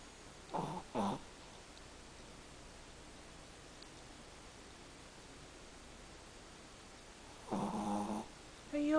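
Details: Chihuahua napping and occasionally disturbed; short, rattly snorts in brief pairs separated by several seconds of quiet room noise; snoring.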